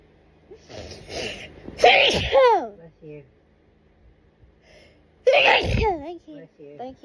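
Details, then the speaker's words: An intense, itchy sneezing fit at night with no known cause: two loud, forceful sneezes with sharp inhalations and soft voiced sounds between, in a quiet room; sneezing. "You can hear me sneeze, but you can't actually hear me."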